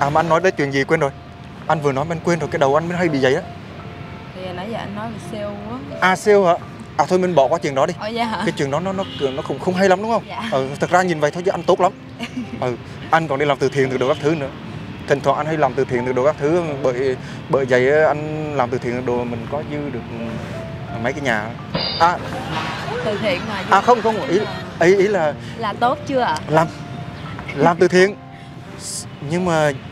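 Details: Acted stuttering by a young man in a prank video, speaking with repetitions: stuttering (acted)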